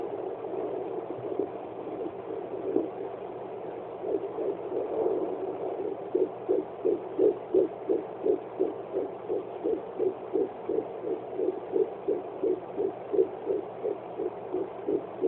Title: Fetal doppler at 12 weeks